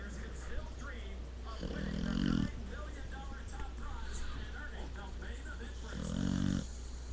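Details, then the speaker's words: Pit bull dog snoring while asleep: two loud, rough, low rattling snores on the in-breaths over a steady hum, with background talk. "snores louder than a grown man."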